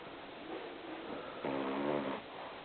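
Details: Snoring: quiet breathing in a noisy room, then one low rattling, fluttering snore on a breath lasting under a second.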